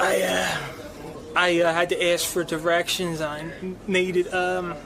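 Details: Stuttering in a man; he says it comes in ebbs and flows.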